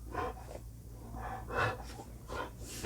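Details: Restless female pet dog, owner asks whether she will throw up, but she only wanted to go outside to bark: a few harsh snorts and noisy, wheezy breaths over low room hum, no retching.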